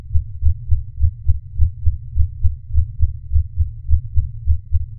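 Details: Normal heart sounds detected touch-free by radar-based vital sign monitoring, measured at the same time as a stethoscope: regular, dull, low heart thumps at about 100 a minute.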